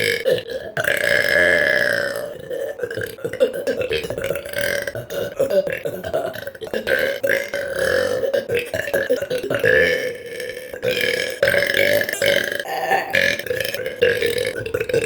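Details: Deliberate burping run: a long, nearly continuous series of loud, drawn-out burps, one after another with brief pauses.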